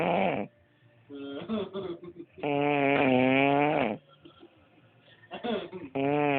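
Loud, drawn-out snoring breaths with a strongly voiced, droning quality and short pauses between them.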